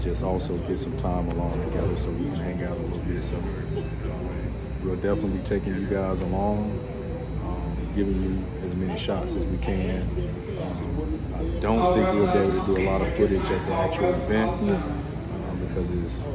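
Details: Adult male speaker; Normal voice.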